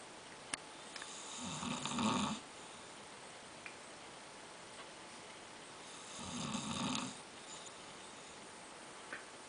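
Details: A man snoring in his sleep: two loud, rasping snores on the in-breath, about 13 per minute, in a quiet room. Ordinary snoring.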